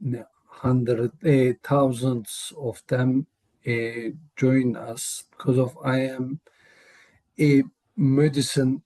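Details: Real adult male with aphasia, cause not stated; aphasia.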